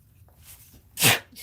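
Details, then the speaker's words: A single short, sharp adult sneeze in a quiet indoor room, announced just beforehand, with a brief rushing burst of air; sneeze. "i'm going to sneeze"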